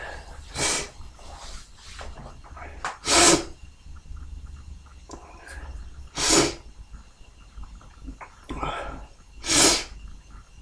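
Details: Four forceful, explosive morning sneezes, each a sharp breathy burst, separated by quiet breathing and faint room noise; repeated sneezing.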